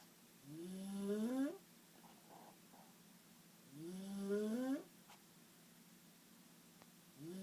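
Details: Two loud, rising, buzzing snores on inhalation about three seconds apart, with quiet exhalations between: snoring.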